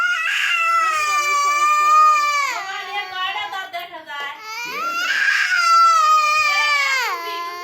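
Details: Young child crying: loud, high-pitched wailing in long sustained bursts with a breath between them.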